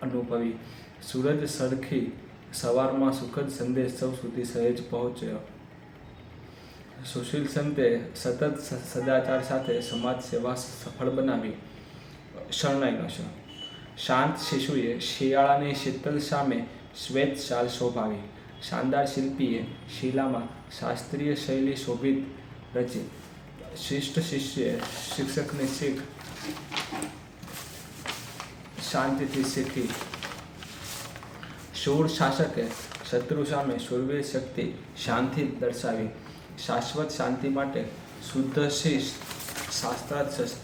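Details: Adult man's own speech with stammering, recorded on day 1 of his daily practice routine for stammering (tongue and lip exercises, breathing control, self-monitoring); stuttering.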